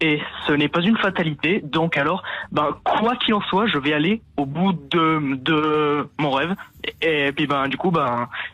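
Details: Stuttering in a young adult man who describes having had a very severe stutter; pauses and repetitions heard.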